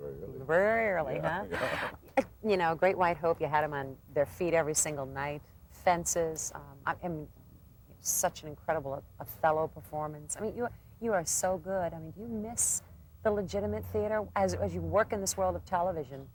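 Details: Adult woman speaking; normal speech.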